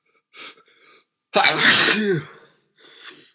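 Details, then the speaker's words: Single loud explosive adult sneeze with voiced cry after two soft breaths, amid repeated sneezing; the person says they definitely have a cold; sneeze. "Achoo! No, I definitely have a cold."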